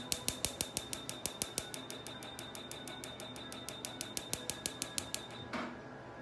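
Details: Second Pico laser tattoo-removal treatment of the eyebrows on black pigment: rapid, sharp snapping clicks about three a second that stop after about five seconds; laser pulse clicks.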